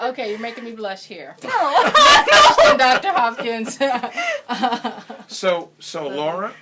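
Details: Adult woman; typical speech.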